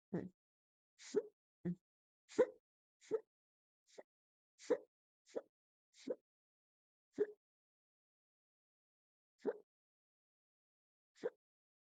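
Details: Twelve quiet, short, sharp induced hiccups over about twelve seconds, recorded with a stomach view, mostly in quick succession, then spreading out with longer gaps.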